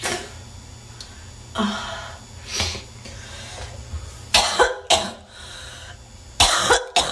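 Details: Woman's coughing attack, possibly a smoker (uploader's guess): repeated harsh, congested coughs with throat clearing and snot hocking; a wet, productive coughing fit.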